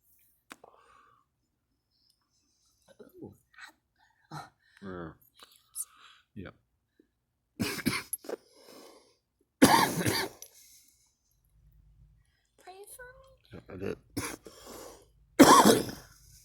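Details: Girl smoking and coughing: scattered soft speech and breaths, then several loud harsh coughs in three main bursts, in a small room.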